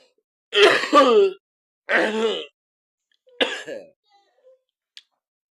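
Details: Adult acting a whiny cough for comedy: several drawn-out voiced coughs with throat clearing; simulated cough with throat clearing.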